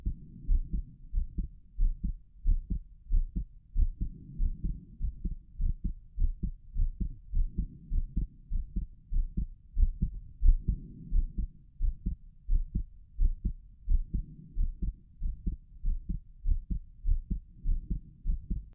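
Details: Adult's own heart auscultated with quick stops over the pulmonic valve and Erb's point, beating faster than usual from excitement, with a visible apex beat: steady, clear normal heartbeats at about 90 a minute, mildly fast.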